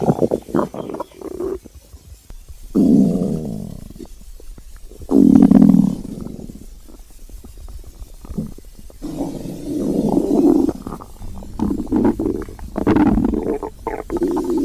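Loud gurgling, rumbling growls and bubbling pops from an empty stomach, in long drawn-out bursts; ordinary hunger borborygmi.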